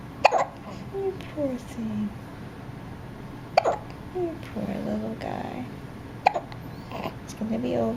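Three sharp, abrupt hiccups about three seconds apart from an infant, with soft fussing and an adult's quiet voice between them; ordinary infant hiccups.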